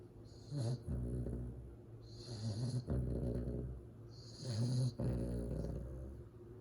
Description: Cute Cane Corso 2 months old puppy snoring. Fawn Italian Mastiff pup.